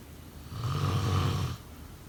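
A single loud, low, rattling inhaled snore lasting about a second over quiet background: snoring.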